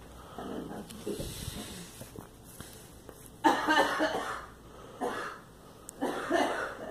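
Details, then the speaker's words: Girl with a cold coughing: three separate coughs after quieter rustling and breathing sounds. "Yeah, and it's like the cough sound, so the cold go away."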